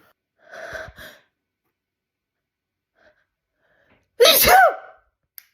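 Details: Adult induces sneezes against a stubborn nasal tickle: two breathy, voiced buildup breaths, a pause, then one loud, forceful sneeze with a falling vocal cry.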